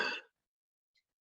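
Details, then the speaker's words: Adult physician imitating a child's croup cough: single short, harsh, seal-like barking cough from upper-airway narrowing high in the windpipe, linked to Omicron in children 5 and under; croup barking cough. "It's a restriction to airflow that's happening high up in the windpipe, and it sounds like this."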